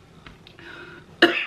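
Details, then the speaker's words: One loud, abrupt cough after quiet room sound, from an adult with a cough that isn't improving, now on different medication; persistent cough. "Zoals je hoort, ik hoest nog steeds als een malle. Knapt ook niet echt op."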